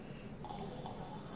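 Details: A person imitating a snore while explaining airway narrowing during sleep: a brief, low, rough rumbling breath, as the airway narrows and vibrates; imitated snoring.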